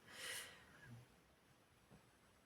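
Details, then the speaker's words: A female Labrador, snoring since her morning walk, in a quiet room: a loud nasal snort, then a low rumbling breath and a fainter repeat. Dog snoring. "Si vous entendez ronfler, ce n'est pas du tout un carlin ou un... C'est quoi les autres chiens là? Je sais plus comment ça s'appelle. Bulldog, c'est un labrador qui s'appelle Naya. Voilà. Elle ronfle depuis ce matin, depuis sa promenade avec son papy."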